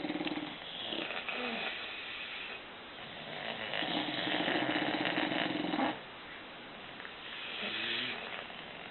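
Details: Rough, rattling breaths in long drawn-out bursts from several sleeping bulldogs, some with a whistling, nasal edge; snoring.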